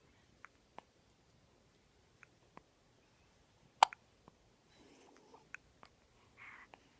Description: Baby girl has hiccups